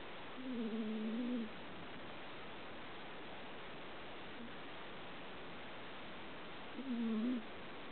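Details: A female cat sleeps and snores: two low, buzzy, tonal snores about six seconds apart on slow breaths, over quiet room hiss.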